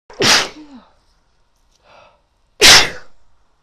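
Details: Female sneezing again: two sharp, explosive, wet, powerful sneezes a couple of seconds apart with a faint breath between.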